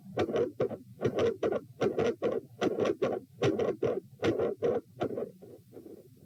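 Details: Heart sounds recorded at position P during provoking manoeuvres (Valsalva, standing then lying, lying on each side), with split S1 and S2: harsh sounds with a regurgitant murmur after S2, going quiet, then a rumbling machinery murmur, with extreme intensity changes.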